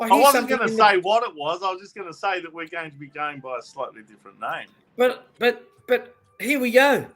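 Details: Adult male speaker; Normal conversational speech.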